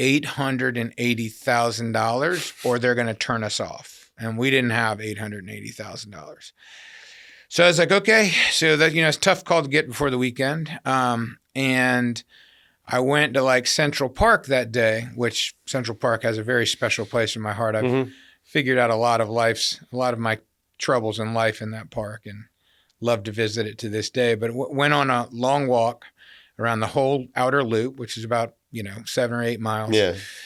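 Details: Adult man; typical speech.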